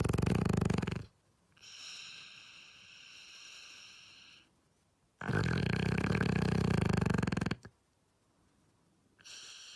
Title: A dog snores like the humans